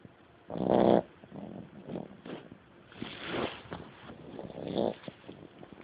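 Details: A sleeping dog makes two rough, nasal snorting snores with a softer breathy exhale between them.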